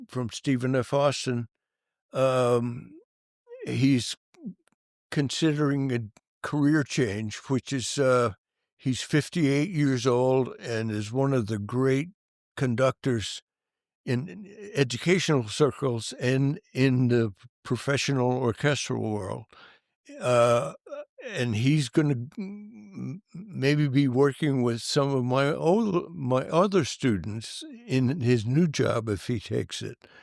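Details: Adult male band director who has stuttered since childhood, severe when very young and for many years, and still stutters: stuttering.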